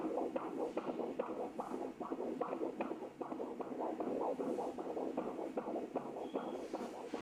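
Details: Fetal heart sound on Doppler ultrasound: rapid whooshing pulses of the fetal heartbeat at around 150 beats a minute.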